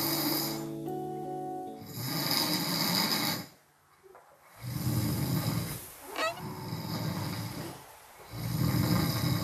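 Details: Loud, rough snoring in irregular bursts with brief pauses from an adult man asleep, who also sleep-talks, over background music; snoring.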